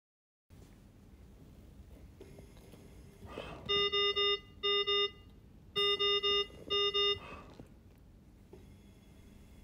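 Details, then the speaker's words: Ventilator high pressure alarm on a Datex Aspire anaesthetic machine during a machine check: two bursts of loud triple electronic beeps over quiet machine hum, triggered by squeezing the patient bag as the bellows deliver a breath. "to test the high pressure alarm squeeze the patient bag as the bellows are delivering a breath"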